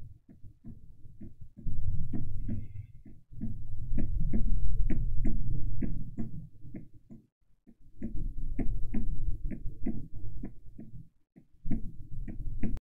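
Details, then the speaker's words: Heart of a patient with shortness of breath in a heart failure case: a rapid galloping rhythm with a soft, low extra sound after S2, a third heart sound (S3) from rapid early diastolic ventricular filling. No other murmurs. "un tercer sonido denominado S3 este sonido es distintivo y se produce en el periodo temprano de la diástole ventricular cuando el ventrículo se llena de sangre el S3 es causado por el flujo rápido de sangre desde las aurículas hacia los ventrículos durante la fase de llenado ventricular"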